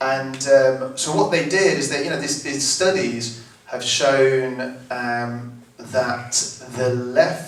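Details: Adult living with a stammer, who took part in vocal training and recorded a song as lead vocalist; stuttering (stammer).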